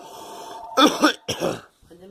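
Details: Girl coughing repeatedly: two quick, harsh coughs, one close after the other, over faint background hum.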